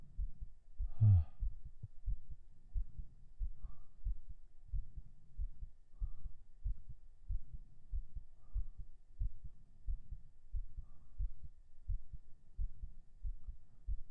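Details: Heartbeat recorded binaurally right after 37 push-ups: steady, rapid soft thumps with a breath sound near the start; a normal post-exercise heartbeat.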